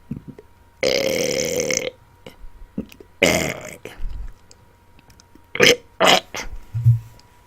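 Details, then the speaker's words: A long, loud voiced belch, then a second belch and several shorter burps, made deliberately on command, with faint room noise; burping. "I am here today to do some more burping and warning to anyone who doesn't like burping videos why are you watching them why are you subscribe to the channel I don't know but this is about to be intense burping"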